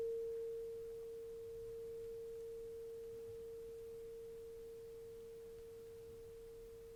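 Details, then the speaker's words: Simulated cranial nerve exam roleplay: tuning fork placed behind the ear for a hearing test; steady, pure mid-pitched tone slowly fading over about seven seconds. "So what I'm going to do is to put this tuning fork right behind your ear and you will let me know what the vibration along along with the sound stop."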